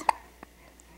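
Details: Infant girl with hiccups: a sharp, abrupt hiccup followed by a softer second one a moment later, in a quiet room; infant hiccups.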